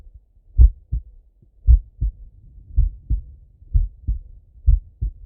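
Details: Regular paired low lub-dub heart sounds from an adult male through a stethoscope, about 57 beats a minute; normal slow heartbeat.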